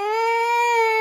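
A young child gives a steady, high-pitched crying wail lasting about a second.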